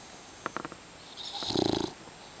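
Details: An English bulldog: a few soft clicks, then a single rough, rattling snore on the breath, the noisy airflow typical of a short-nosed dog; snoring.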